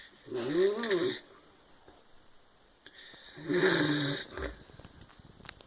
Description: My brother snoring, saying he doesn't snore.